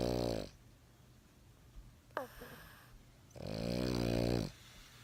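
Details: A pet snoring loudly, "sawing logs," after falling asleep on the owner's arm.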